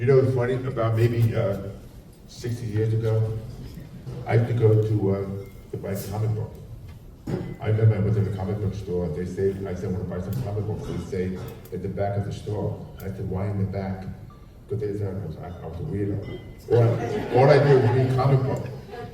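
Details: Adult man with profound hearing loss since childhood and a childhood speech impediment, trained in phonetics, who wore two hearing aids and received a cochlear implant about 3.5 years ago; deaf speech (speech of profound hearing loss).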